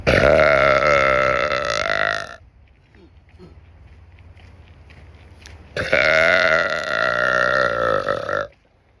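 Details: Two long, loud, voiced belches of about two to three seconds each, with quiet outdoor sound between, while walking on a trail; prolonged burping.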